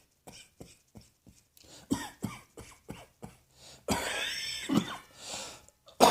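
A run of short, dry coughs followed by a couple of harsher, louder coughs with throat clearing; repeated coughing.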